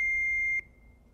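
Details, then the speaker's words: Training automated external defibrillator (AED) powered on by pressing the power button during a CPR demonstration: a single clear high-pitched beep. "실제로 이용하실 때에는 뚜껑만 열면 전원이 켜지는데 이거는 이제 연습용이니까 전원을 키게 되어 있어요 전원을 가장 먼저 눌러 주시면"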